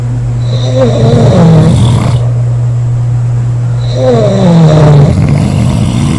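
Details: Sisters aged 19, 24 and 25 snoring hard: loud rumbling snores, two long breaths over six seconds, over a steady low hum; snoring.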